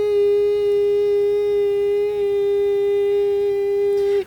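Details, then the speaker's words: Steady, unbroken high-pitched beep imitating the long ringing tones a child heard in his head every hour or two, every day for years; tinnitus simulation. "know this is uh called ringing in the ears it is tinnitus you know hearing tones that aren't really there it would last a very long time and it would do that for years every single day"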